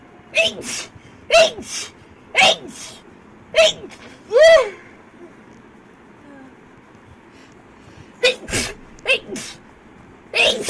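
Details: Girl sneezing rapidly: about nine sharp, sudden voiced sneezes in quick succession, with a pause midway; repeated sneezing.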